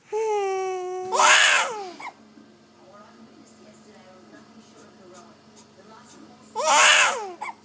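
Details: An infant girl gives a brief coo, then two sharp, explosive sneezes several seconds apart with quiet room noise between.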